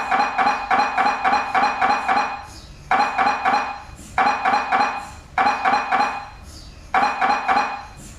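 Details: Loud, rapid, regular mechanical knocking in bursts of several seconds with brief pauses, as an MRI scanner runs a scan: MRI scanner noise.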